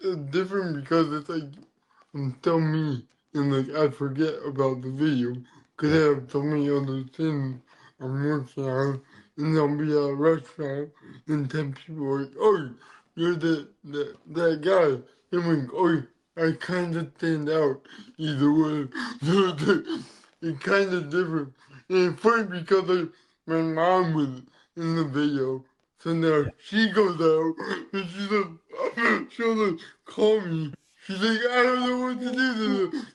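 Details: Adult man born with cerebral palsy, which affects his neck muscles, giving a deeper voice and making talking hard; mild dysarthria (cerebral palsy).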